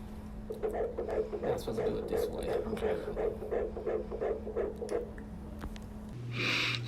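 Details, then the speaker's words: Fetal heartbeat on ultrasound at a first-trimester OB appointment after a scare at 10 weeks 2 days, with a previous miscarriage: rapid, regular whooshing pulses, heart rate stated as 170, a normal rate. "she played the heartbeat for me and I'm gonna let you guys hit a heartbeat"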